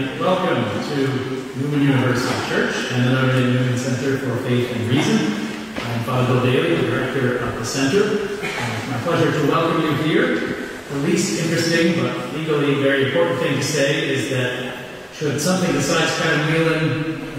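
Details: Adult male speaker; normal voice.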